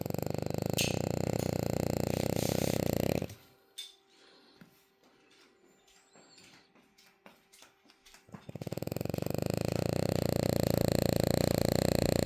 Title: This is how my girl snores 😝 #dog #frenchbulldog #doglady #snoring #girlsnores #dogsnores